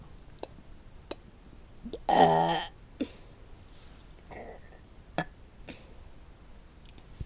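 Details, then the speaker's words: Single short burp amid clicks and low room noise, a belch of swallowed air; burp. "let me detain my burp hello I am doing my boyfriend did you hear did you like that"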